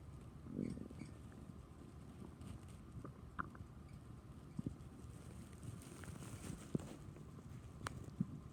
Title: Stomach growling from chocolate milk